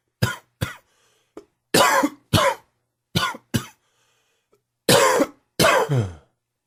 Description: Crazy humid weather and too much smoking has the coughing kicked up.